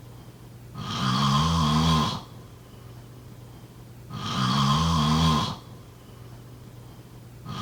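Rhythmic, rattling snores on each breath in, about 18 a minute, with quiet breathing between; ordinary snoring.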